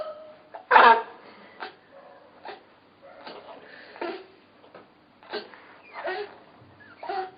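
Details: Bout of repeated short, abrupt voiced gulps from an adult woman (mother) in a quiet room: hiccups.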